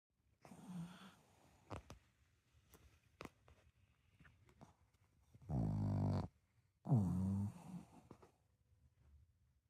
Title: pug snoring #pug #dog #cute #snoring